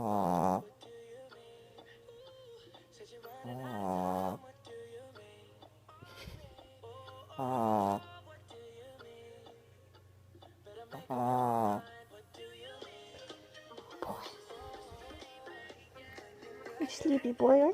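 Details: Pug snoring in sleep after a long day of playing fetch: four long, rough, rattling snores recurring about every 3.5 seconds over steady background music; typical flat-faced dog snoring.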